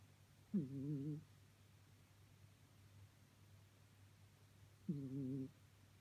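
Two soft, low, buzzing breath sounds about four seconds apart over a steady hum; quiet snoring in a sleeping cat.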